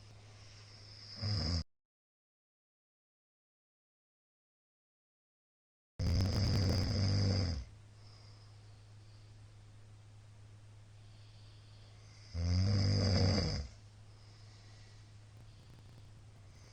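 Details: Middle-aged man sleeping, loud snoring recorded 2022-04-17: rough snoring bursts on inhalation, irregularly spaced with long quiet gaps, about 10 a minute.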